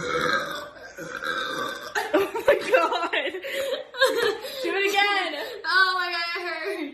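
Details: Long, drawn-out deliberate belches after jiggling the stomach, with voices and laughter in the background; burping.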